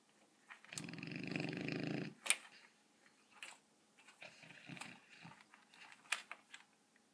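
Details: A 7-month-old Rottweiler snores while asleep, apparently running in his dream: one long, low rumbling snore, then soft snuffles, clicks and rustling as he stirs.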